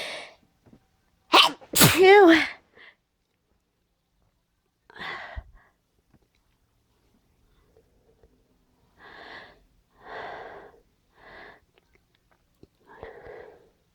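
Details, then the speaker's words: Stuck sneezes: a loud, explosive sneeze with a voiced cry, then several quieter, breathy, hissing bursts like attempted sneezes that fail to come out. "e ch going to sneeze going to sneeze again"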